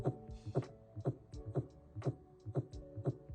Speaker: Tac cardia has a heart rate over 100 beats per minute sometimes it can be reactions to outside influences like caffeine or being scared but other times we may have some sort of electrical wiring issue causing the heart to speed up